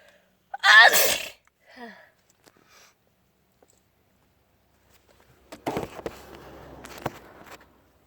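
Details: A single loud, voiced sneeze with a brief trailing sound, followed after a pause by rustling and handling noise; an ordinary sneeze.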